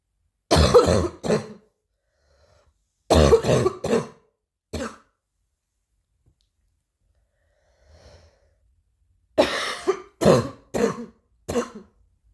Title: new cough 3